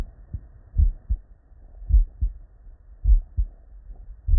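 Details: Real, unedited bedside auscultation of a human with normal cardiac physiology: steady, low lub-dub pairs at about 52 beats a minute with no extra sounds, normal first and second heart sounds.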